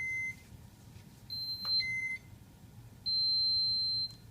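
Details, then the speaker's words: Enteral feeding pump alarm for a child's G-tube feeds with short gut, as it sounds going off at night: high electronic beeps in short and longer tones over low room hum. "And this is what the pump would sound like when it goes off at night."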